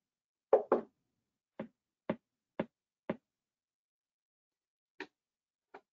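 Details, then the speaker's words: Repetitive nerve stimulation demonstration: series of sharp, evenly spaced clicks from the nerve stimulator delivering a train of shocks. "i can go to just do drain okay we'll do a train here they come"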